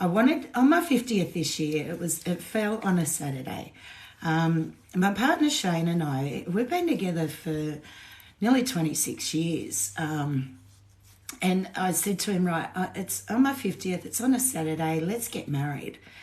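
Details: Woman with essential tremor present since birth and diagnosed at 27, with head and hand tremor too; voice shakier than usual after two days of drinking alcohol; essential voice tremor.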